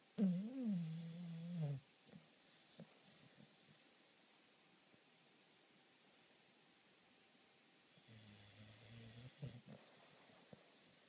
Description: Snoring bulldog